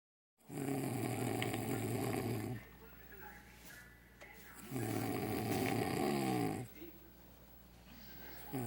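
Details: Adult man (husband) asleep with mouth open, snoring heavily: loud, rough, vibrating, croaking bullfrog-like snores of about two seconds each, with quieter breathing between.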